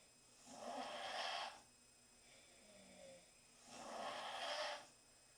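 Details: Four girls snoring in the same room after a long night at centrifuge; two soft, rasping in-breath snores about three seconds apart, with quiet breathing between; ordinary snoring.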